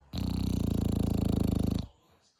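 A single loud, rattling, vibrating snore lasting under two seconds from a sleeping dog.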